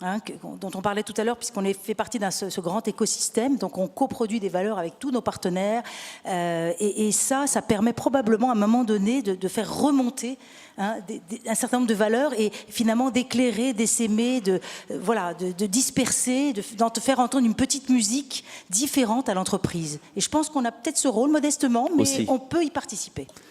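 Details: Adult speaker, French; normal speech.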